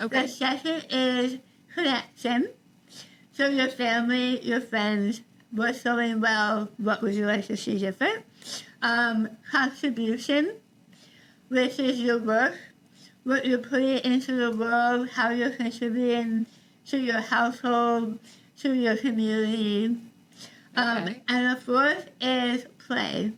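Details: Adult woman after stage 4 tongue cancer: over half of tongue removed and reconstructed with forearm graft, neck dissection, six weeks of radiation and chemotherapy; some people cannot understand her; articulation disorder after partial glossectomy.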